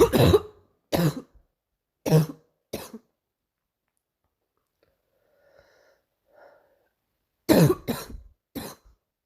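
Four cough bursts, a quiet pause with faint sounds, then three more coughs; a recurring morning coughing episode.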